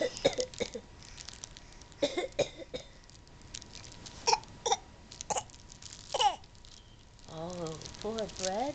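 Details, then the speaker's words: A young child's several short, sharp coughs amid an adult's voice asking about a bad cough and room noise. "brendon do you have a bad cough do you have a bad cough"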